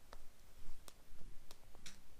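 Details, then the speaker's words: Crepitus: faint scattered sharp clicks and crackles in a quiet room as a 20-year-old twists the wrist. They describe swollen fascia crackling along the entire left side of the body. "the fashio is really swollen and it cracks it literally crackles in my entire left side so if I were to turn my shoulder like this you'll hear it hear that I'm just twisting my hand like that like my wrist"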